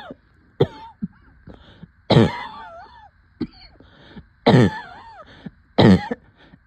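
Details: Coughing with shortness of breath: four harsh, throaty coughs with audible gasping breaths between them.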